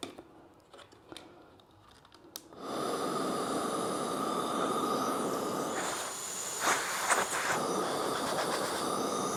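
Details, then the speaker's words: ResMed S9 CPAP machine, eight years old, after replacing a loud motor that made a sharp piercing sound: faint handling clicks, then a steady airy whir with a soft tone as the new blower motor runs normally. "This sound is normal. Uh, the new motor is a perfect fine."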